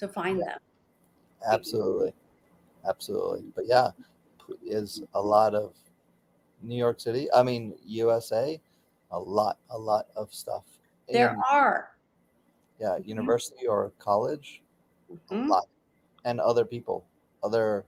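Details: Aphasia in a man about 16 years after a stroke during surgery that affected his right arm and leg; he continues daily speech therapy.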